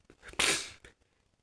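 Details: Sick person's single sneeze: a short indrawn breath followed by one sharp, explosive burst of air.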